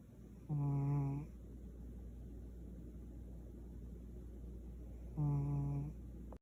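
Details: Two buzzy, tonal snores about five seconds apart from a Savannah cat sleeping deeply, over a steady low hum.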